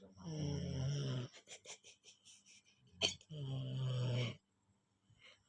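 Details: Child said to be 3–4 years old snoring in sleep, said to sound like an adult man: two loud, deep, rattling inspiratory snores with quieter breathing between; heavy snoring.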